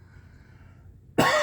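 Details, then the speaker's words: Adult with chronic cough set off by talking, and wheezing; an ENT scope showed redness and irritation at the top of the esophagus and suspected acid reflux. Coughing occurs while speaking. "Sorry, I'm going to be coughing a lot because all this talking is going to make me cough."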